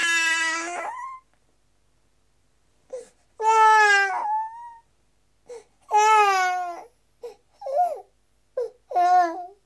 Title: Baby Crying High Quality Sound Effect | NCS Effects | Royalty Free | #soundeffcts #freesound #NCS